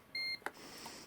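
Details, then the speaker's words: WellO2 home steam breathing exercise device, set to level 1 (45 °C) by holding the button: a short steady electronic beep and click in a quiet room, the start-up signal, with a light appearing. "you need to push this for a while, like this. Okay, and now there was a signal, and there's also there should be a little light."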